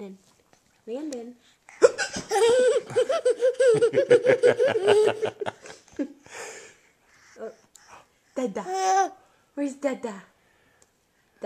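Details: Mother's hiccups: sharp voiced catches mixed with a baby's bursts of laughter at every hiccup.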